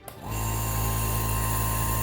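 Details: Omron NE-C28P compressor nebulizer switched on with mouthpiece attached: a small motor starts and settles into a steady, loud buzzing hum while mist flows; compressor nebulizer running normally.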